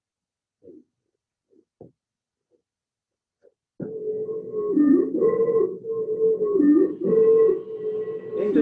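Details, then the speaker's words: Simulator: loud, harsh, high-pitched musical breath sounds audible at a distance; stridor from upper airway obstruction. "está traduciendo obstrucción de la vía respiratoria alta. Se escucha a distancia."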